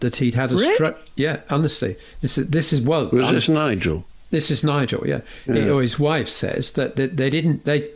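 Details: Aphasia in an adult male orchestral percussionist, 10 years after a stroke caused by a left middle cerebral artery blockage.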